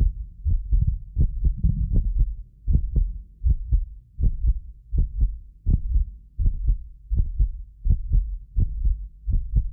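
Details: Real heartbeat of a medically fit person recorded with multiple precision contact microphones: steady low thumps at about 80 a minute, occasionally doubled by a ~6 ms inter-microphone delay, not heart disease; normal heart sounds.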